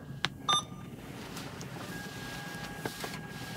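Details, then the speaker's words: Alaris 8100 infusion pump, simulated secondary infusion completion (volume set to 0.1): sharp beep then fainter tones, part of six beeps as the pump auto-switches back to the primary normal saline rate. "so it automatically flips back over with a series of six beeps back to the primary rate that we originally programmed for our normal saline"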